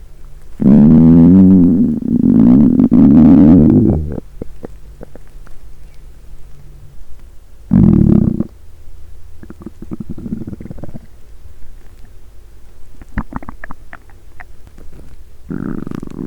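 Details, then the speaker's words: Woman's stomach recorded with a mic on the abdomen the day after finishing a 7-day fast: loud gurgling, groaning hunger rumbles in bursts with quieter bubbling between, an intense early growl, recorded over an hour: borborygmi. "The sound of my intense hunger roared early on. Record for 1 hour. After this, an intense my hunger growls."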